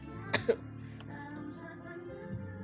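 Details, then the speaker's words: Radio broadcaster with itchy throat on air: two quick, sharp adult coughs over steady background music, a dry throat-irritation cough, mixer mic lowered first. "Gimana kalau penyiar radio pasti siaran tapi lagi batuk siaran masih aman di awal posisi mixer Mike harus diturunkan dulu ya tiba-tiba tenggorokan gatal mau batuk-batuk dulu"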